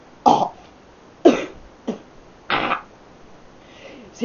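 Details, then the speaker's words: Person with real hiccups while talking to camera: four abrupt, loud throaty hiccup bursts about a second apart, each with a brief trailing gasp. "It's getting really annoying. I should stop it. Hiccups. Stupid hiccups."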